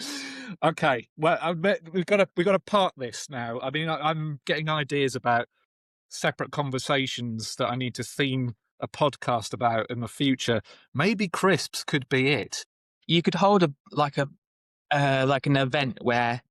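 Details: Adult man speaking; typical speech.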